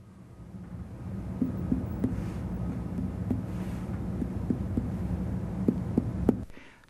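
About ten light finger taps in short groups, each a brief hollow drum-like note over a low steady room hum; normal abdominal tympany on percussion.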